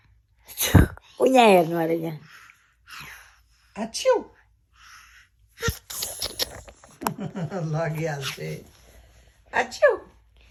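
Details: A child acting out sneezes: sharp bursts with drawn-out 'ah' build-ups between them, a play imitation rather than real sneezing.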